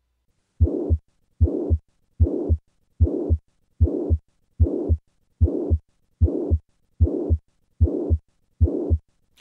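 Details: Significant mitral regurgitation in mitral valve prolapse: regular heartbeat near 75 a minute with a loud blowing murmur filling all of systole.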